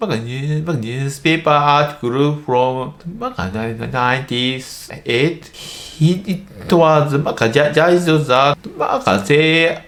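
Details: Adult male medical doctor in Japan who stutters; stuttering (childhood-onset fluency disorder) is a developmental disorder of speech fluency.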